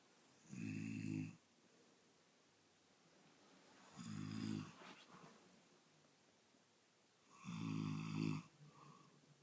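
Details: A man sleeping gives three loud, rumbling snores at steady intervals, roughly 17 a minute, with quiet pauses between; loud snoring.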